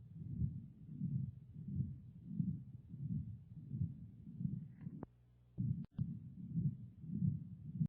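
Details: Patent ductus arteriosus, an acyanotic congenital heart disease, heard through a stethoscope: a steady low heartbeat near 94 per minute with a rumbling murmur filling the gaps.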